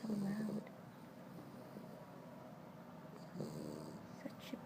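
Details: French Bulldog napping after his first run: loud, rough, fluttering snores with a rattling low rumble on each breath and quieter pauses between; snoring.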